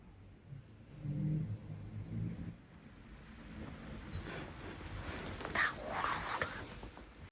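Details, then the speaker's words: Dog sleeping after a long walk in Central Park, low rumbling snorts then softer noisy breathing; snoring. "爹睡得呼呼的，爷走累了，爷俩都走累了。听到没有？他打呼噜。他今天去Central Park走了好多的路，累到了。"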